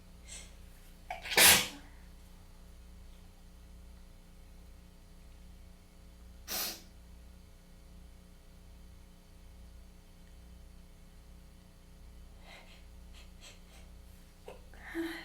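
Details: Weather-change sneezing fit with tickly, congested nose: one loud sneeze then a second softer one over a steady room hum.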